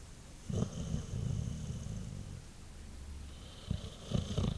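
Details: White Boxer dog sleeping after a long day: low, rumbling, fluttering breaths with short snorts over a few seconds; snoring.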